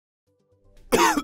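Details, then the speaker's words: Cough analysed for signs of COVID-19 infection (dry cough common early symptom); cough. "could the sound of a cough uploaded via the internet from a cell phone indicate whether the subject has covered what about a sustained vocalization"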